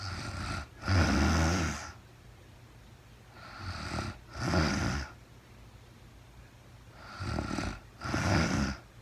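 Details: Real-time recording of a woman asleep at night, no talking, very tired: loud rattling snores on each breath, about three in nine seconds, each preceded by a quieter in-breath; typical sleep snoring.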